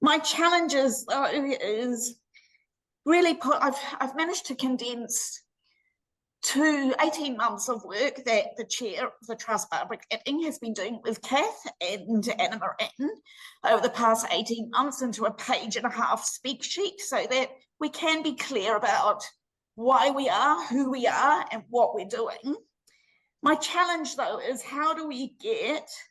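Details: Laryngeal dystonia (spasmodic dysphonia) in an adult woman, treated with Botox injections to the vocal cords every six months.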